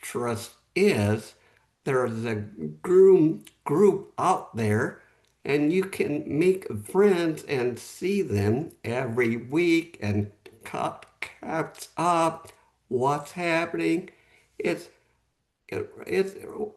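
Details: Real adult male with aphasia after a stroke 11 months earlier; at first he could say only one word; aphasia.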